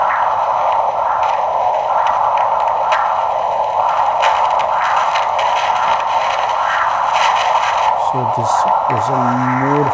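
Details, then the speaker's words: Doppler ultrasound of the basilic vein in the arm, the outflow vein of a normally functioning arteriovenous fistula, giving a continuous venous outflow signal. "more flow yes this appears that there's outflows through the basalic vein of the arm"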